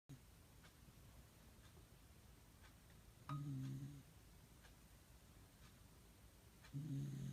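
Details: Pet dog snoring while asleep, recorded December 2016: two low rumbling snores a few seconds apart over quiet room noise.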